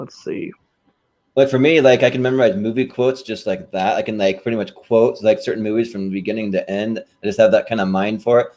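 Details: Adult man speaking; normal fluent speech.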